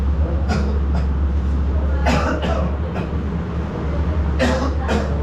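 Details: Adult man with a persistent cough, for which a doctor prescribed medicine and an IV drip: repeated short coughing bursts, about six in five seconds, over a steady low background hum.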